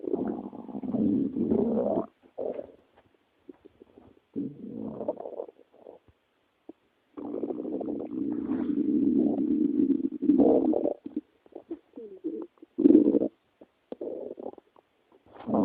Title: Dollar's stomach growling